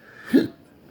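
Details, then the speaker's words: Patient with persistent intractable hiccups since December 2015, every 1–3 seconds, with breathing and choking spasms, regurgitation and burping of unknown cause; a single short abrupt voiced gulp; hiccup. "oh yeah well you're hiccupping every three seconds"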